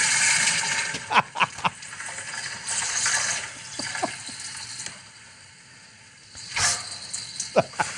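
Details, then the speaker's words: Adult after taking all the laxative for colonoscopy bowel preparation: wet, spluttering gushes and bursts of gas with splashing, liquid bowel movement sounding unlike usual stool. "So I'd taken all the laxative a colonoscopy, and it just comes out sounding so different than anything's come out that passage before."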